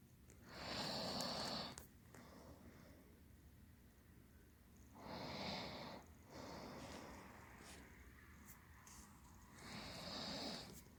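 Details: Slow, noisy snoring breaths with a faint high whistle, about 13 a minute, in a quiet room, from a sleeper drooling heavily onto a pillow and arm.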